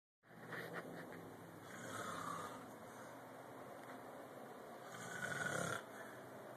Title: Snore some more